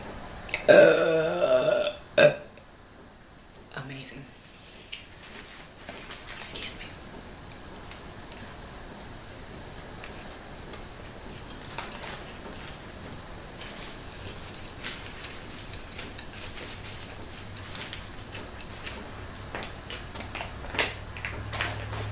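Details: One long, loud, rumbling belch near the start, then quiet chewing and mouth sounds, while eating a 12-inch steak and cheese sandwich: burping after eating.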